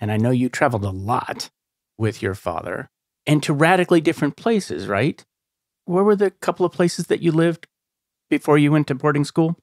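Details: Adult man speaking; typical speech.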